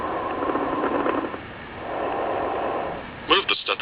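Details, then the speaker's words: Simulated diminished breath sounds on an auscultation simulator, stethoscope on the lower lung: soft, faint airflow noise, quieter than the normal-volume upper lung. "to illustrate diminished lower lung sounds place the stethoscope on the lower lung"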